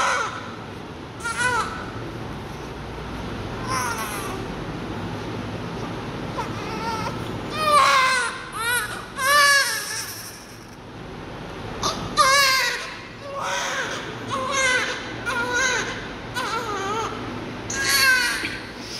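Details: Loud, repeated bursts of newborn crying with short pauses, about 30 seconds, ordinary healthy newborn cry with quiet room noise behind.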